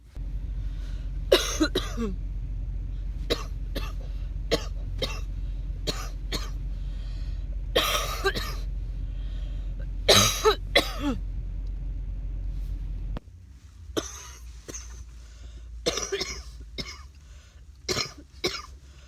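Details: Coughing after walking dogs in the rain: repeated harsh coughs and throat clearing in short bursts, about a dozen over nearly twenty seconds, with steady outdoor background noise.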